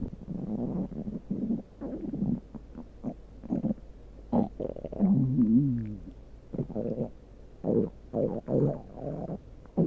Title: my stomach growling